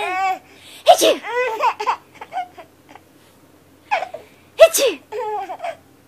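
Two sharp sneeze bursts, each followed by a baby's bright giggles and laughter.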